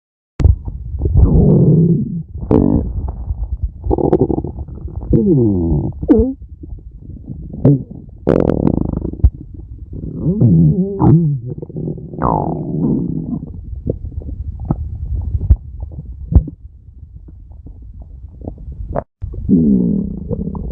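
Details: Stomach growling recorded from a friend, an adult: low, gurgling rumbles and squeaky, bubbling tones, typical ordinary borborygmi.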